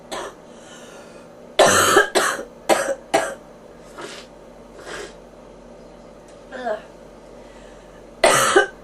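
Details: Adult with bronchitis and a fever, ears popping: harsh, chesty coughs in a run of four followed by one more.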